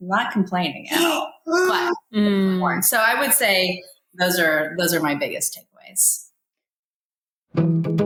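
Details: Dysarthria in a woman with probable ALS, diagnosed in 2014 at age 33 after rapid early progression (from Ironman racing to walking with a cane within six months), now about ten years after diagnosis.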